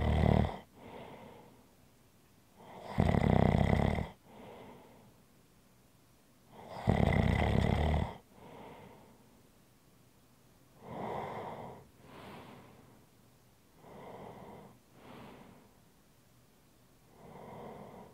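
Slow rhythmic snoring, with two loud rattling snores and softer breaths in between, about six cycles in eighteen seconds.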